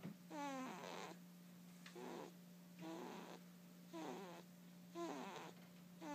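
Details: Sleeping cat snoring: five short, buzzy snores about a second apart over a steady low background hum.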